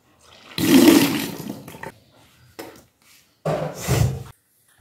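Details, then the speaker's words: Kunjal kriya yogic cleansing after drinking about 2 litres of water, vomiting induced with the middle finger, done for cough, mucus, gas, acidity and constipation: loud forceful retching with gushing water and gagging bursts. "और middle finger की मदद से बस उल्टी करते जो पानी हम लोग पीते हैं वो पानी हम लोग बस उल्टी करके निकल देते हैं"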